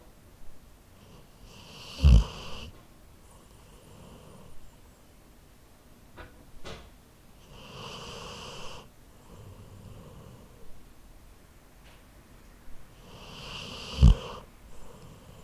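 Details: Labrador sleeping, recorded with a Zoom H4n recorder: slow, soft rattling breaths with louder snorts about every 6 seconds; snoring.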